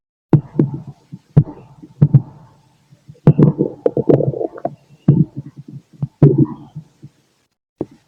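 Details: Adult male listening to his own body late at night via stethoscope after a day's meals: irregular low gurgles and rumbles of digestion with faint heartbeat thumps underneath; normal bowel sounds with heartbeat.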